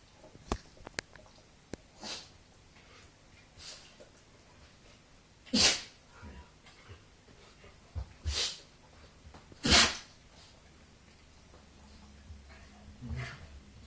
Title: Dog cant stop sneezing